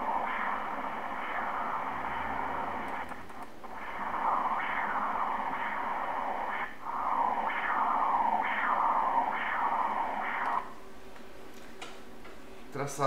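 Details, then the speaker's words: Third-trimester obstetric Doppler at 34 weeks of pregnancy, right uterine artery, PI 1.32, mother's blood pressure normal: rhythmic whooshing pulses at about 65 a minute with steady flow between beats; normal uterine artery Doppler. "está bem normal da artéria úterina. Artéria úterina direita. 1,32. Está normal."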